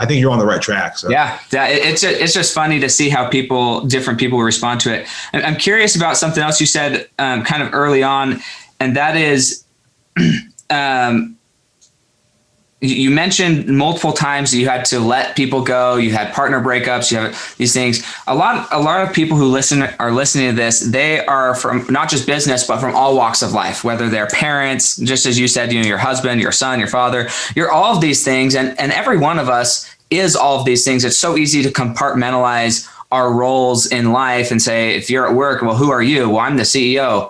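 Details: Adult male speaker; normal conversational speech.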